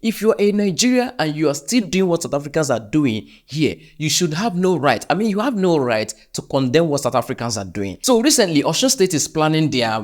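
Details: Adult narrator; typical speech.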